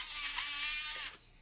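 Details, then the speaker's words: Dental implant drill, freehand, on the final drill in a foam bone model, trying to push into the dense D1 foam beside soft foam. A high-pitched whine winds down and stops; the drill ends far off centre. "now we're going for the last the last drill and once again still we're going to try to push it into that dense bone CU that's where we wanted to"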